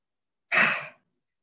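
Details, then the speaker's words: A single short, forceful, breathy open-mouth exhalation, a huff with a thrust but not a cough, demonstrated in effective-cough rehabilitation training for COVID patients with dry cough and stuck phlegm; forced expiration technique. "terus di having seperti itu dengan hentakan tetapi bukan di batukan jadi dihembusin"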